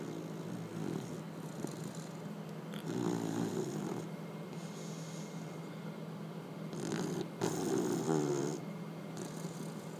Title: Allie Mae snores like human